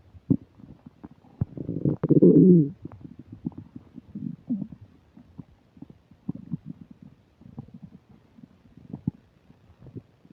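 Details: Recorded while eating a burger and fish fries, described as upset digestion: low gurgling and bubbling rumbles with one loud, long growl early on, then scattered softer gurgles and clicks (borborygmi).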